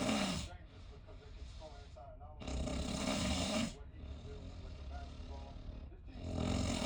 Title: My friend snoring… during cruise… sharing a room 😞😬😓